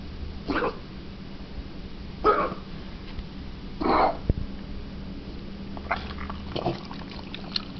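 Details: A bulldog makes repeated harsh, snorting inward noises. The owner thinks or hopes it is reverse sneezing but fears something worse.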